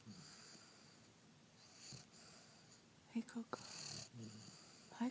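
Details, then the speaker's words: Sleeping female pet dog snoring "like a pig": soft, rattling breaths with faint whistling, interrupted by brief snorts and short noises. "Hey, Coco. You're snoring like a pig."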